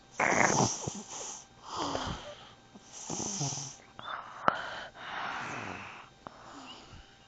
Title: snoring